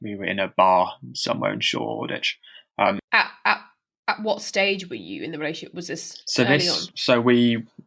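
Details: Stammering in a woman who stammers herself, speaking as co-host of a stammering association podcast; real, not acted.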